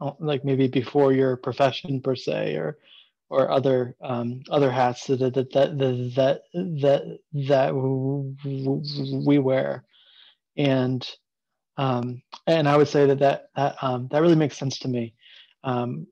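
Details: Adult man who stutters, open about his stuttering for about seven years, with repeated whole-word repetitions; stuttering.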